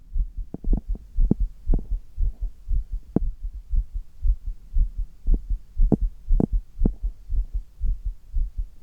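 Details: Adult man's heartbeat recorded while doing handstand push-ups: strong, regular low thumps at about 118 a minute; forceful, quickened heartbeat from exertion while upside down.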